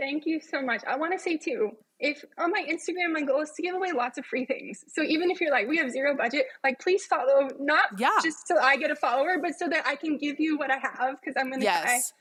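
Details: Adult woman with self-reported spasmodic dysphonia, a vocal cord spasm, heard in her speech during a podcast interview; spasmodic dysphonia.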